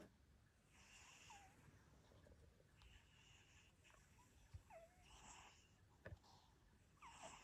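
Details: Sleeping cat at Christmas snoring with soft, rhythmic breathy rasps and small whistling squeaks roughly every two seconds; snoring.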